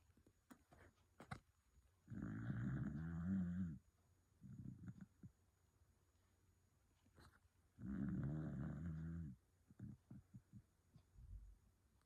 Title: My dog snoring for a minute straight #shorts #dog